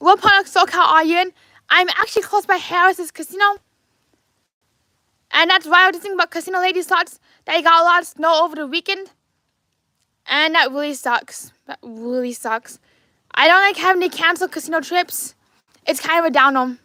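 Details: Adult man with lifelong apraxia of speech, diagnosed at age four as childhood apraxia of speech; he describes his mouth and brain as not working together, causing repeated words and phrases and poor volume control. Apraxia of speech.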